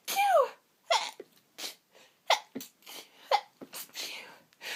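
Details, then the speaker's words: Sneezing fit with false starts, stuck sneezes and heavy sniffles: a rapid run of sneezes, some full and loud, others cut short or stifled, with quick breaths drawn in between. "And it keeps teasing me with false starts, stuck sneezes, and I am very, very sniffly. I just need to sneeze."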